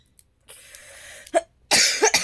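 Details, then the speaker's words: A faint breath, then a short cough and a harsher, louder cough burst, from a woman with a cough lasting days, possibly from exhaustion or winter, not improving despite medicine; persistent cough. "kalau dibuat ngomong itu batuk pokoknya yang buat requestpetan minta maaf banget ya"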